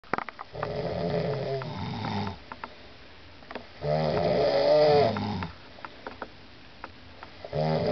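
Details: Loud, rough rattling snores on the in-breath, about 17 per minute with quiet pauses and faint clicks in a small room; snoring.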